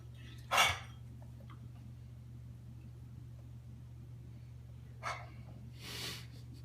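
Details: Three short, harsh cough-like bursts from a dog over steady low room noise: dog cough.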